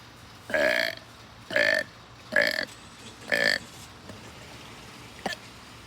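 Four loud, evenly spaced voiced burps about a second apart, then quiet; repeated belching.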